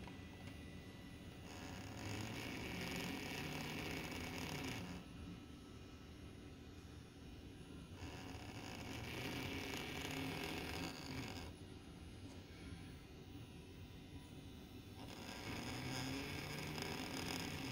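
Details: Demonstration of a breathing control device (mechanical ventilator) cycling about every three seconds, with alternating airflow noise and quieter pauses over steady motor hum.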